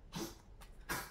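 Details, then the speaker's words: A dog coughs indoors: two short, harsh coughing bursts with a softer huff between them, over quiet room noise. "entendez du bruit c'est mon chien qui tousse"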